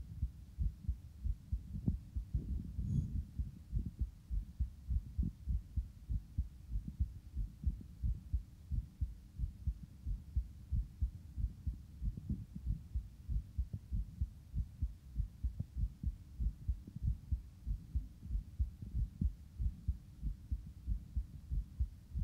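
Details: A male's heartbeat recorded just after exercise: quick, regular beats at about 94 a minute, slowing as the heart recovers.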